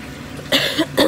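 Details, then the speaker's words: Two short, harsh cough bursts over quiet room noise, from an adult woman with a persistent cough and hoarse voice that has not responded to three cough medicines. "Aduh, yang tahu obat batuk yang benar-benar manjur itu apa ya? Karena saya sudah minum obat batuk itu ada 3 jenis, itu masih saja membandel, batuk saya masih saja ikut saya."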